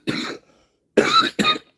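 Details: Dry cough in an adult man just diagnosed with pneumonia.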